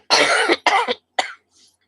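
Three harsh cough bursts from an adult, the first longest, then a faint trailing breath; a plain cough.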